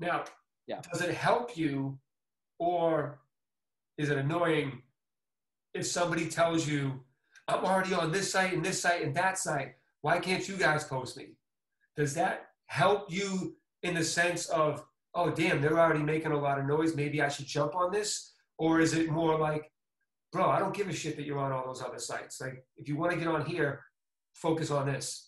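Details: Adult male speaker; typical speech.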